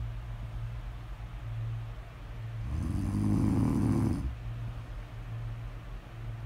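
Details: Snoring audio recording, presented as ASMR: steady low rumbling breathing during sleep with one louder, harsher snore in the middle; ordinary snoring.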